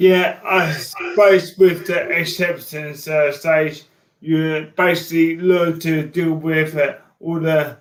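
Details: Man diagnosed with motor neurone disease in January 2018; his speech became slow and slurred as an early sign of the disease, alongside frequent tripping. Dysarthria (motor neurone disease).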